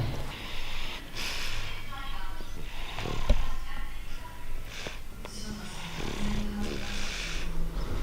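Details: Young English Bulldog with a runny nose: snorting, rattling noisy breathing with wet nasal sounds and some background noise; snoring.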